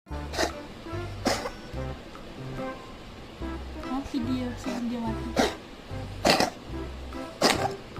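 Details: About five short, harsh coughing bursts over steady background music from a cat sick with flu, also sneezing and with runny nose; other cats in the household, including a kitten, are also sick.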